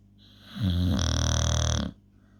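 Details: A single long, loud, deep rumbling snore lasting over a second that ends abruptly; snoring.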